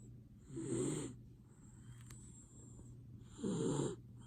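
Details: Sleeping miniature dachshund snoring: two soft, rattling snores about three seconds apart, with quiet breathing between them.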